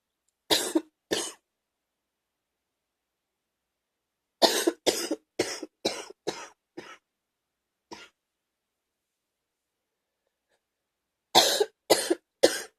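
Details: Gaggy morning wet productive cough: three runs of harsh, loose coughs, about fourteen in all, with a wet, gagging quality.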